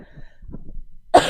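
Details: Young woman streaming, who says she coughs a lot all night: soft throaty rumbling, then one abrupt, harsh single cough burst at the end.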